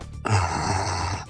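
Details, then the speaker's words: Phlegm-type snoring, possibly from a cold with throat inflammation: a single low, rough, gurgling snore with a wet rattling quality; wet, rattling snore. "那第二种呢打痰式，"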